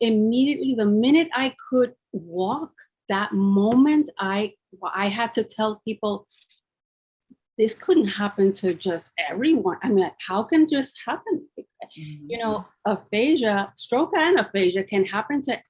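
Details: Adult woman speaking; no disorder.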